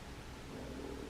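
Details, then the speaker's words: Adult woman, age 31, stomach growling while talking: a low, steady gurgling rumble rising into a faint drawn-out tone near the end; borborygmi. "if you can hear my stomach growling, that's what that sound was."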